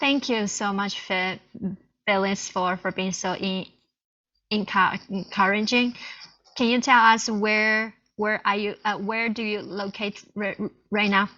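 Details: Stuttering in an adult woman.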